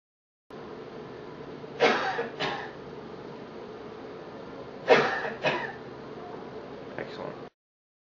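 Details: Voluntary coughing on request: two deliberate double coughs, then a faint fifth cough, over steady room hiss, recorded for a schlieren airflow comparison with and without a mask.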